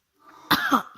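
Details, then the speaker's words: Adult woman with flu, cough and runny nose: one short, harsh cough with a brief rough follow-through in a quiet room. "Kebetulan saya sedang flu batuk dan pilek sehingga suara saya mungkin kurang ee kurang sedap Untuk didengar karena flu ini"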